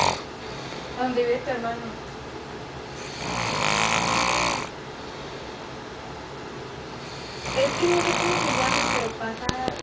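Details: Jerry sleeping and snoring: two long, loud, rough rattling snores with quiet breathing between; heavy snoring in sleep.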